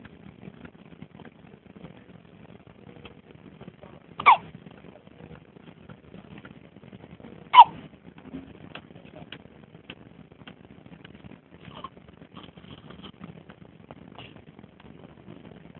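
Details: Hiccups: two sharp, brief gulping sounds several seconds apart against quiet room noise.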